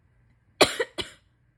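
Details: Two quick, forceful coughs with a loose, chesty quality from a sick adult with a runny nose, sitting; a chesty cough.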